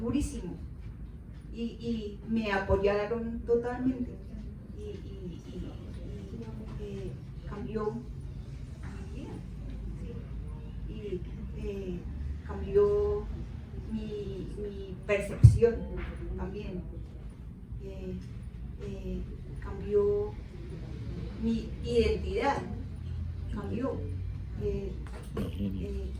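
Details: Adult woman, 13 years post-stroke treated with surgery and followed by a month-long coma, initially unable to speak, write or read, with hemiparesis; halting speech; aphasia (non-fluent, halting speech).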